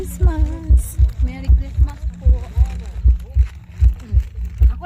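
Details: Heartbeat played through a speaker at a pulse-check attraction, steady regular low thumping at about 77 beats a minute with people talking over it; reported as a normal heartbeat.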